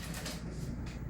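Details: Adult patient with bruxism and a complete denture, closing slowly and sliding the jaw right and left with teeth touching; marked wear on the lower teeth; sound of tooth grinding (bruxism).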